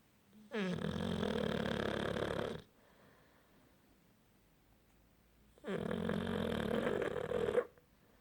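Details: Heavy snoring: two loud, long, rattling snores about five seconds apart with quiet between.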